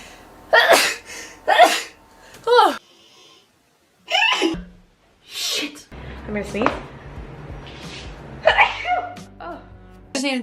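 Several abrupt sneeze bursts in quick succession, mixed with brief voices and background music.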